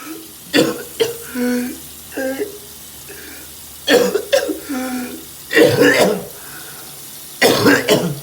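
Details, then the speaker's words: Adult at the end of a choking spasm brought on by hiccups, unable to catch breath: repeated harsh coughs and throat clearing with strained gasping breaths between, easing off; spasms happen almost daily, sometimes several times a day. "That was a video of me choking, couldn't catch my breath. That was the end of it."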